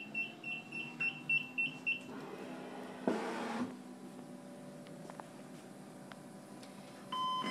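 A run of about seven short, even electronic beeps, then a switch click and a quiet hum: a ventilator powering on before its self test.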